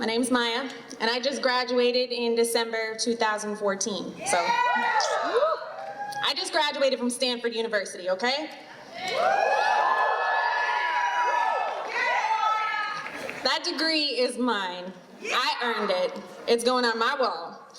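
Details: Adult woman speaking to an audience; Normal speech.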